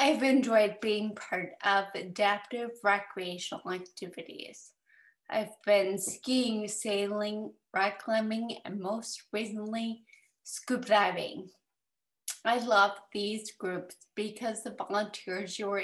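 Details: 30-year-old woman with autosomal recessive cerebellar ataxia type 1 (ARCA1), diagnosed at 25, with imbalance; ataxic dysarthria.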